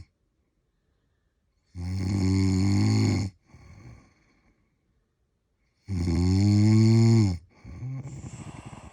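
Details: Person snoring while on holiday in London: two loud, drawn-out rattling snores on the in-breath, each followed by a softer exhale, about 15 breaths a minute.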